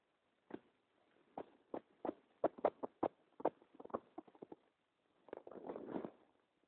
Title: Stomach rumbling